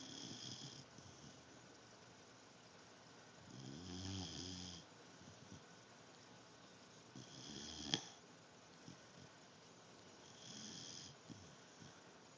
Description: My dog Zoey snoring